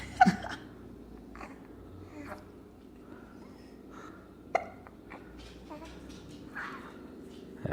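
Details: Hiccups: two sharp, brief hiccup sounds a few seconds apart over quiet room noise and faint voices.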